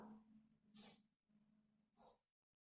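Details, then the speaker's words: A domestic cat sneezing twice in the background as its owner talks: two short, sharp hissing bursts about a second apart over a low hum. "Excusez-moi, j'ai mon chat qui est en train d'éternuer."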